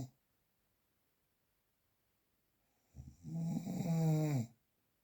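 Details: Analog real recording without post-processing: a single loud, rattling snore on an in-breath after a quiet pause; heavy snoring.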